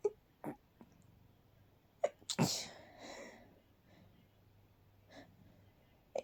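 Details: Quiet, very stifled night sneeze, held back so no one woke up: soft breaths, then a sharp muffled burst with a faint airy trail; stifled sneeze.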